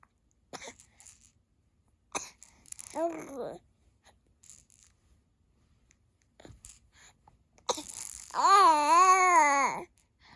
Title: sneezing ￼